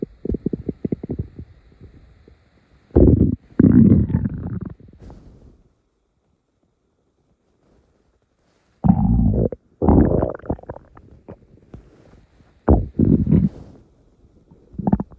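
Low gurgling and growling bursts in several runs with quiet gaps: ordinary bowel sounds, harmless morning stomach rumbles.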